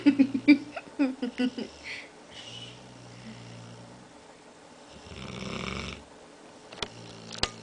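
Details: Dog snoring while half awake: series of short rattling snorts, then softer drawn-out snoring breaths in a quiet room, with a few clicks near the end.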